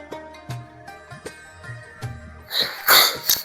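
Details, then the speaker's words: Over light plucked music, a sharp explosive sneeze near the end with a short follow-up burst, in a children's Ramadan lesson on replying to sneezes: sneeze. "जब खुद को छींक आए अल्हम्दुलिल्लाह कहते हैं, जब किसी दूसरे को छींक आए तो यरहमकुल्लाह कहते हैं।"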